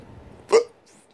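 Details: Adult with hiccups who is trying to hold their breath to stop them; a single short, abrupt voiced 'hic' out of near silence, a typical hiccup.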